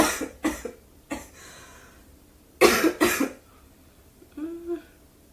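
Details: A woman who says she is unwell and can barely talk coughs in about five or six short bursts, followed by a brief voiced sound.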